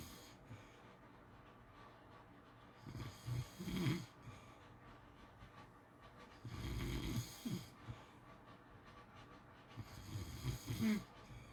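Three rough, rattling inhaled snores about 4 seconds apart, roughly 16 a minute, over faint room noise: ordinary snoring.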